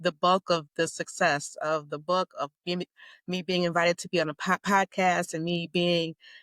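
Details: Stuttering in an adult woman, lifelong, self-described as mild to moderate.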